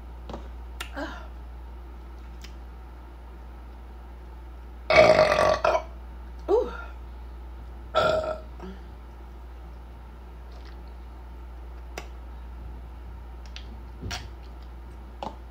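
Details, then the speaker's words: Adult woman finishing a cup of soda after a meal lets out three loud, throaty burps (eructation) with quiet room noise between them. "I'm going to finish this cup of pop, though. So let off a couple more burps."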